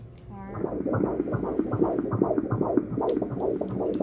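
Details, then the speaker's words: Fetal heartbeat on anatomy-scan ultrasound at 19–20 weeks' pregnancy, male fetus measuring 20 weeks 5 days, 13 ounces: rapid, regular whooshing pulses, heart rate 155 beats a minute; normal. "when this is a heartbeat right now and then this part is the heartbeat so the heart rate is at 155"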